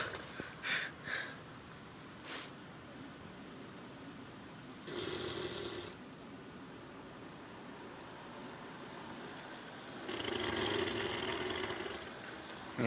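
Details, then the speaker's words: Female Labrador-Rottweiler dog snoring loudly: two long, rough, hissing snores about five seconds apart, with a few faint snorts and some room noise. "okay we're trying to document zoals snoring ah she's a magnificent snore"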